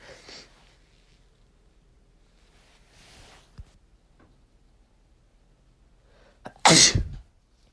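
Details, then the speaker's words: Sneezing set off by dust from two days of room cleaning in a person without known allergies: quiet breathy sounds and sniffs, then one loud, explosive, chesty sneeze. "not really like allergic to anything nor do i have a very sensitive nose but something about the dust that i've been cleaning uh has really just been setting me off and so for the last two days basically i have just been sneezing all over my room"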